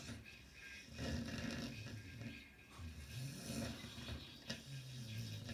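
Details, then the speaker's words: A female pet, asleep (she sometimes sleeps with one eye open), snores with irregular, rough, rattling breaths over background noise. "you imagine sleeping with that all night?"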